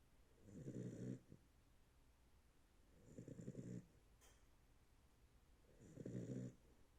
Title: They puppy is snoring!